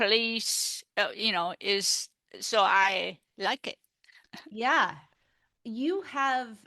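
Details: Aphasia after a stroke in an adult woman, a stroke survivor now involved in aphasia peer support.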